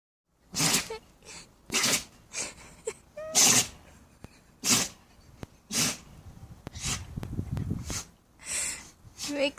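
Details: A dog sneezes repeatedly, about ten short, sharp, hissy bursts with quiet snuffling between them. This is a run of ordinary sneezing.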